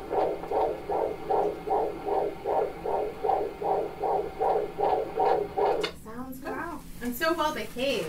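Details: IVF pregnancy at 16 weeks: rapid, regular whooshing Doppler pulses at about 150 a minute; fetal heartbeat on Doppler.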